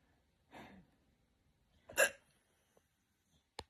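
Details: Sudden sharp involuntary catches of breath with a brief voiced 'hic' in a quiet room; hiccups.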